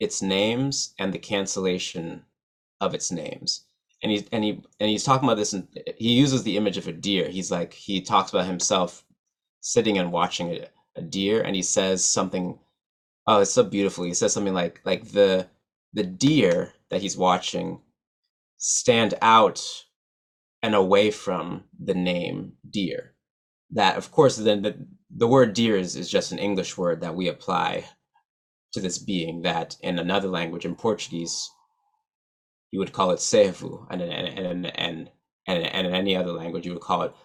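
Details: Real stuttering in an adult man, a musician and poet who stutters, speaking at a stuttering association conference.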